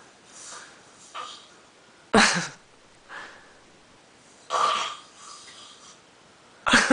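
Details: A drunk adult man snoring in sleep: loud, harsh snorting snores recur about every two seconds, with quieter breaths between them.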